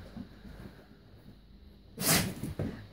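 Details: Dog indoors, filmed March 2016, pushing himself upward on the floor: quiet snuffling, then one sharp explosive sneeze and a smaller second burst; sneezing.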